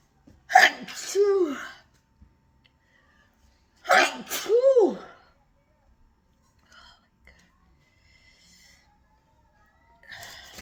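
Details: A person in a sneezing fit the person blames on the weather: two loud voiced sneezes, each a sharp in-breath then a forceful 'achoo', with quiet gaps between; sneezing.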